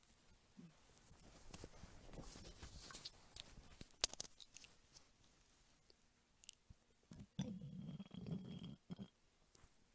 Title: Hungry Mother Belly and stomach rumbling ASMR.